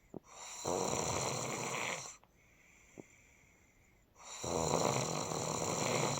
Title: Snoring part 2